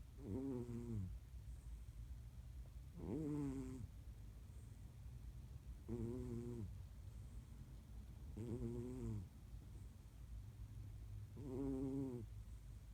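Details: Slow, regular snoring in a sleeping cat, about five breaths in twelve seconds, each with a soft whistling, buzzing tone.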